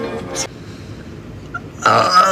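A short voiced belch, a quiet pause, then a louder rough burst. Burping.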